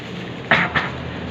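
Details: Two brief, slightly muffled coughs in quick succession against quiet room noise; a simulated cough into a tissue, demonstrating proper cough etiquette; cough.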